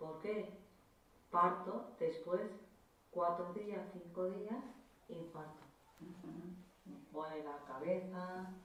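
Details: Woman with Broca's aphasia after a left middle cerebral artery stroke, about seven years into rehabilitation; agrammatic, non-fluent speech omitting verbs and connectors; Broca's aphasia.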